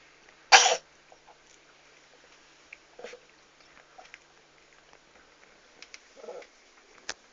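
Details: Sneezing cat: a single sharp, explosive burst, then faint small noises, one sneeze.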